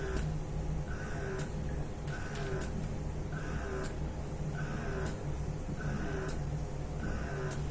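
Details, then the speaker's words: Vertical electric breast pump switched on; rhythmic mechanical whirring cycles, about one a second, over a low motor hum. "Switch on చేస్తాం. రెడ్గా వస్తే on అయిన అవుతుంది. మీకు pressure కావాలంటే plus నొక్కుతారు."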